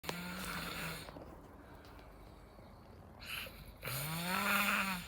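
Two long, rough, droning breath sounds with a buzzing tone, separated by a quiet pause: snoring during sleep.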